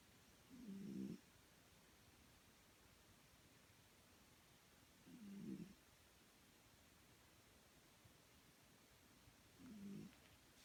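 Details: Snoring in a sleeping cat: faint, regular snuffling snores, three in ten seconds, about 13 a minute, over a steady background hiss.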